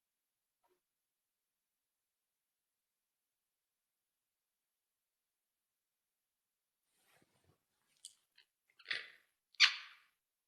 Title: Sleeping Girl Bruxism (Teeth Grinding)